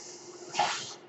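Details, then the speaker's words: Podcast host's mechanical ventilator heard while he speaks: a steady low hiss, then a sudden airy whoosh and a fading rush of air as a breath is delivered. "My name is. That noise you're hearing is my ventilator, and thank you for tuning in to Page Turners They Were Not, my"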